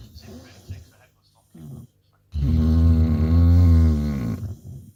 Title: Bulldogs snoring